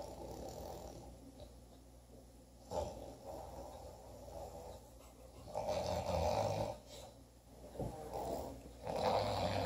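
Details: Mild snoring: soft, low, rough breathing that rises and falls in slow cycles against room noise.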